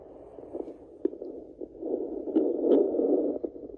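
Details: Pregnant Yorkie at day 49 of gestation, previously scanned for 3 puppies: fetal Doppler heartbeat found again after the dam moved, heard with gel applied; fetal puppy heartbeats.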